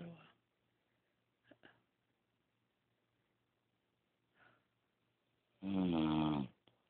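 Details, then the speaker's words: Fainter breathing noises, then a loud, drawn-out snore from a sleeping female in a very dark, quiet room; described as audible from another room: snoring. "can't see her cuz it's really really dark but you can hear her hell I could hear if I was in a different room"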